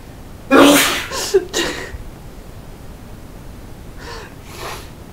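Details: Sneezing fit: one loud sneeze, then quick softer sneezes and snorts, then two faint sneezes. He had already sneezed 4–5 times before recording and sounds stuffed up.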